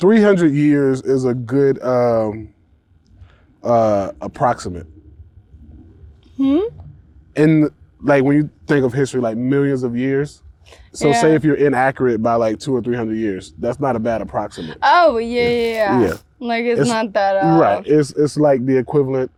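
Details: Ataxic dysarthria in a 28-year-old woman with Friedreich's ataxia, a progressive genetic disease diagnosed at 18; speech and walking changes were noticed around age 15. She uses a wheelchair and takes Skyclarys to slow progression.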